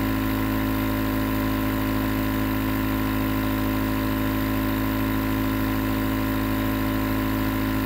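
Steady loud mechanical hum and buzzing drone without pauses, a nebulizer compressor running continuously.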